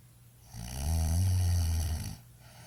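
A single deep, rumbling snore lasting over a second, low and loud, against a quiet room.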